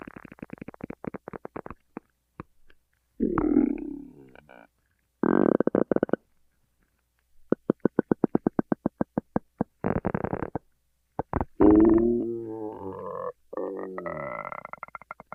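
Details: Ordinary stomach growling (borborygmi): bursts of rapid gurgling pulses and rising, groaning rumbles from the belly.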